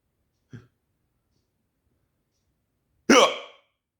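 Two abrupt, isolated vocal catches, the second a louder voiced gulp, consistent with hiccups.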